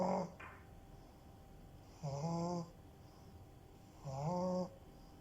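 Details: French bulldog puppy snoring: musical, buzzing snores about every two seconds, around 30 a minute, in a quiet room; snoring in a flat-faced dog.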